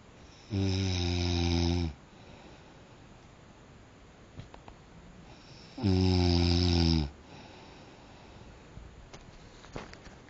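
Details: Two loud, deep, buzzing snores about five seconds apart with quiet between, from a disturbing night of snoring; steady snoring.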